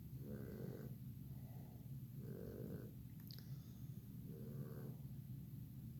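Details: Snoring in the background while a kitten plays with a toy: three rhythmic low rattling snores about every two seconds over steady room hum.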